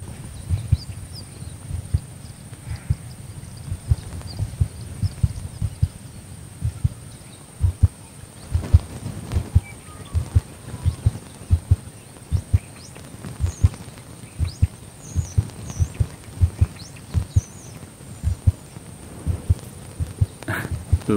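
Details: Heartbeat of a female Border Collie born November 2014, recorded close up: steady, regular low thumps at about 60 beats a minute with faint rustling; normal heart sounds.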